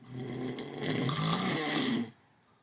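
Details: Sleeping in during a morning nap: one long, rough, rattling snore on an in-breath, then quiet; snoring.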